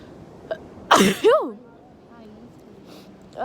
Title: Sneezing and nose blowing